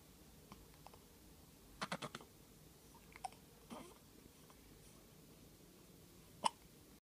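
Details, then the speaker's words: Hiccups in a 3-week-old baby. "You got the hiccups?"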